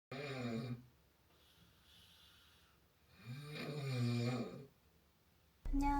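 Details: Heavy snoring in a man, a fiancé described as a bad snorer, before trying an anti-snoring pillow: loud rattling snores on each in-breath with quiet pauses between.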